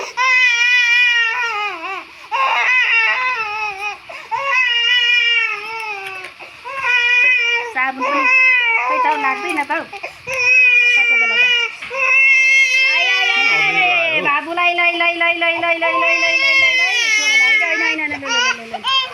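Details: Baby boy crying loudly during a bath, sustained rising and falling wails with brief catches of breath, in a small room; infant crying.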